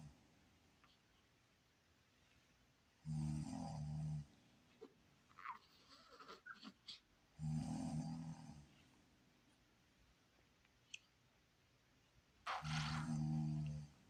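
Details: A baby, annoyed by mom's snoring: three loud, low rumbling snores about every 4.5 seconds, with small rustling and fussing sounds between them; snoring.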